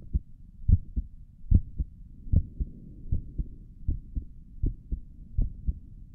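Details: Normal heart sounds recorded through a stethoscope on own chest for ASMR, stomach gurgles noted elsewhere in the recording: steady soft lub-dub heartbeat, about 73 beats a minute.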